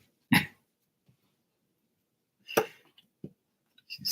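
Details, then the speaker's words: Dog snoring while asleep: two brief, loud snorting breath sounds a couple of seconds apart with faint clicks between. "funny that's all you hear is her snoring"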